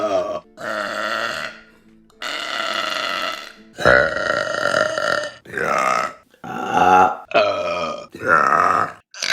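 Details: About eight loud, long, voiced belches in a series with short pauses between them; burping.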